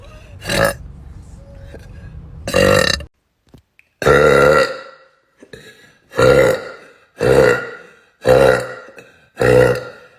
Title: tiktok burp compilation